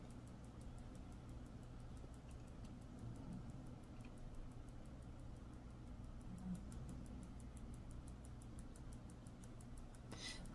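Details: Handheld Rocket TENS unit: steady, rapid ticking of about four clicks a second as it delivers electrical pulses.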